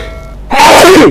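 A single sudden, loud explosive sneeze after a brief quiet lead-in.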